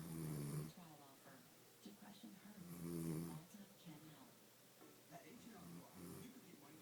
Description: Woman Snoring Like a Man!!!